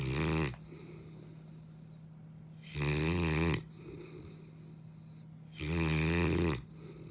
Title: Cujo the Saint Bernard Snoring